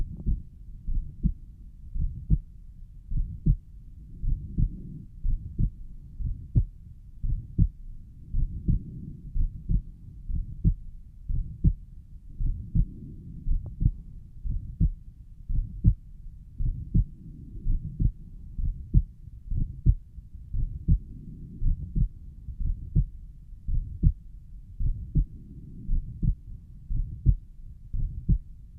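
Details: Self-recorded stethoscope heart sounds at the pulmonic valve, steady about 57 beats a minute, with a soft whooshing noise between beats, suspected mid-systolic murmur.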